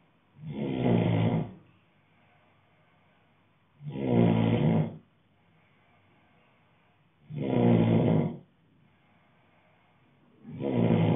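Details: Adult male sleeping, loud rough snores on each breath in, about 18 per minute, quiet pauses between; steady snoring.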